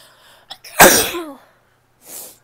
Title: sneezes (f)